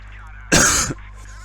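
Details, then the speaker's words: Single harsh half-second cough from an adult who says they are quite sick, over a low steady hum; cough. "Sorry about the coughing. I am quite sick, which you can probably hear from my voice as well."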